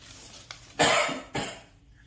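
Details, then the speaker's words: Two forceful, harsh voluntary coughs after a faint catch, expelling phlegm at the end of autogenic drainage (nine breaths then a huff) for airway clearance in respiratory illness such as COVID-19. "now ask the patient to cuff and try to spit out the phlegm"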